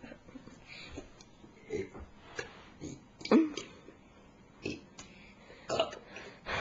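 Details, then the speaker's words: A string of short, throaty burps at irregular intervals, the loudest near the middle, recorded with a Flip Video camcorder. "I know I miscounted it, but Let's do a burp now."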